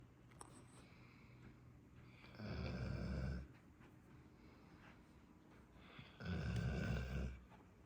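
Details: 5-month-old Great Dane puppy snoring during an afternoon nap, with two long, low rumbling snores on the in-breath a few seconds apart; said to sound louder in bed at night.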